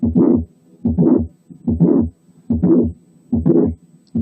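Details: Late systolic murmur, as in mitral regurgitation from mitral valve prolapse: regular heartbeat at about 72 a minute, clear early systole, then a murmur in late systole reaching the second sound.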